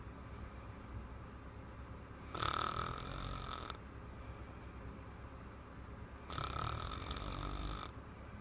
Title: Little Girl - BIG Snore !